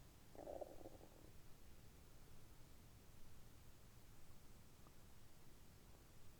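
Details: Abdominal recording during moxibustion, with three moxa cones placed midway between the navel and the pit of the stomach and beside the navel: soft, low gurgling and rumbling over a steady hiss, normal bowel sounds.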